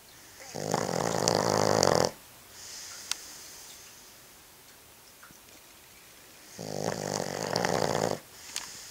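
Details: Dog snoring: two long, loud, rattling snores on inhalation, separated by a quiet exhale.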